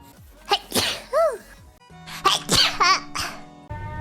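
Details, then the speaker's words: VTuber sneezing repeatedly during a livestream: several sharp, explosive sneezes, each with a rising intake before it and a squeaky voiced edge, over faint background music. "n sneezing like one bajillion times this stream. If no one clips all the sneezes I've done, then I don't even know if they even want that sneeze compilation for real."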